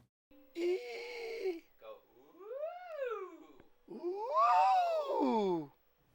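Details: Hoarse, scratchy voice with pitch breaks in a young man with a vocal fold polyp, who suddenly lost his voice after an episode of overuse, similar to a hemorrhagic polyp case.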